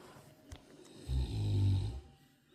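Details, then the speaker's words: Tibetan Mastiff puppy snoring in sleep; one long, low, rumbling snore on an in-breath, about a second long, in a quiet room. "You're snoring, puppy. You're snoring. You're still snoring."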